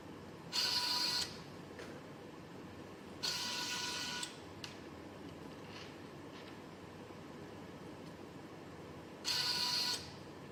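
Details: Homemade Arduino Mega/ESP32-controlled emergency COVID-19 mechanical ventilator running: three bursts of motor whirring with quiet room hiss between them as the motor-driven arm cycles.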